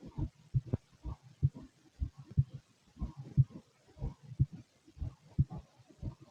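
Regular paired low thumps of a heartbeat at about 60 beats a minute, with faint gurgling in the background.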